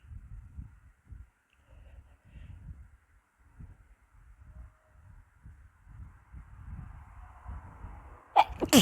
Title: quick sneeze sesh